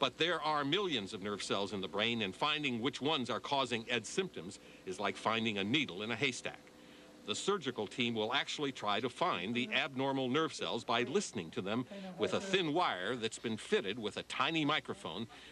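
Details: Adult male narrator; plain speech.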